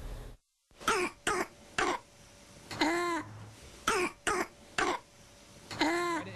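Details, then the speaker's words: Croup in a child: about eight repeated harsh, barking, seal-like coughs with noisy breathing in between, from upper-airway inflammation and narrowing, most commonly caused by parainfluenza virus. "sound of like a seal."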